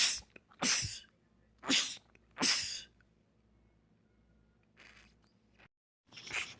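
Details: Male rapid sneezing attack from a sneezing compilation: a quick run of three or four forceful sneezes, then softer breaths and noise; sneezing.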